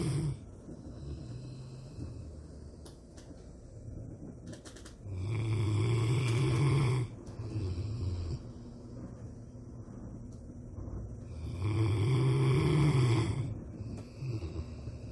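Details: A sleeping Rottweiler, a large dog, snoring louder than a human: deep, rumbling snores over a few slow breaths, with loud rattling on the in-breath, in a quiet room.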